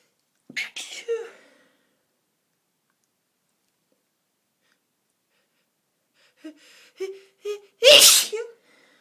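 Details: A sneeze, a pause, then quick catching inhalations building into a second loud sneeze; repeated sneezing attack.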